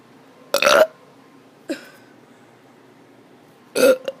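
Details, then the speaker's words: Child doing voluntary burps: three burps, two long and resonant with a brief short one between them. "i'm gonna be doing some burps oh that was terrible sorry i duked my mouth though"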